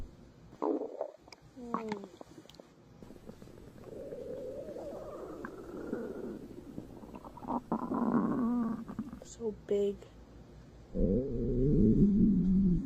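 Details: Stomach growling (borborygmi) after a big meal: drawn-out gurgling growls and squeaky rumbles from the belly, the ordinary sound of digestion.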